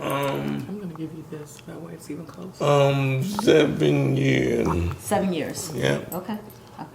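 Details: Adult speaker; no disorder.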